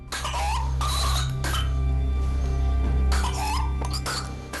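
Infant gives several harsh coughing bursts with high, strained squeaky sounds between them, fitting whooping cough.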